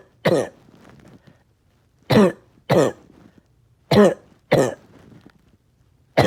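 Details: Persistent cough all day with tiredness and chest pain: six harsh forceful single coughs in about six seconds, some with a throaty rasp.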